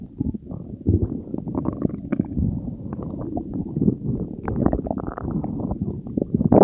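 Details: Continuous loud gurgling, bubbling, churning and rumbling borborygmi from a person's own belly after consuming Diet Coke and Mentos, recorded for ASMR; active digestion.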